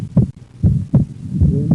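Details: Split second heart sound with right bundle branch block, heard while the patient breathes in and out.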